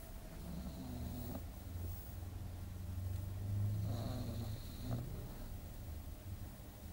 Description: ugly the pug or mops sleeps and snores from creta